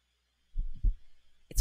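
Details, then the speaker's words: A normal human heartbeat: low, dull thumps in a repeating thump-thump pattern. "they listen for the sound of your heartbeat to make sure that you're healthy listen to that did you ever think about why we call it a heartbeat"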